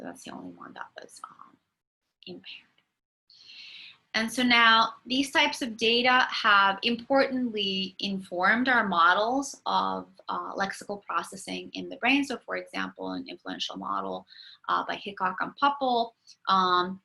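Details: Adult lecturer; typical speech.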